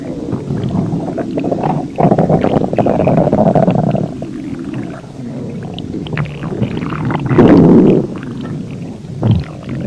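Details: Insane non-stop stomach growling, uploader suspects extreme diarrhea: continuous loud, low gurgling and rumbling with bubbly surges and brief pauses throughout, prominent borborygmi.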